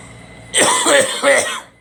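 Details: An adult gives a quick run of about three harsh, voiced coughs close together in one short bout; cough.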